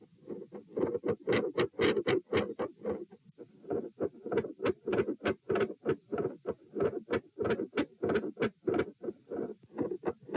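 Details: Heart sounds from one standing subject at position P: rapid, rough rhythmic whooshing beats of uneven loudness, about 100 a minute, with a murmur filling much of each cycle; varying murmur patterns, from none to continuous.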